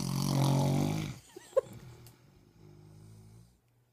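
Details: Husband snoring while asleep: a loud rattling snore, then a quieter, softer snoring breath.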